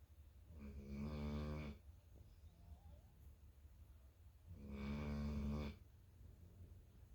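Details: Two long, low, buzzing snores on inhalation from a sleeping 11-month-old infant, about four seconds apart; snoring.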